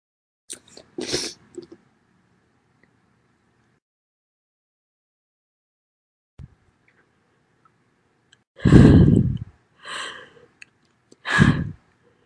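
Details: Female; a few sharp intakes and loud voiced sneeze bursts with long quiet gaps between them: loud sneezing.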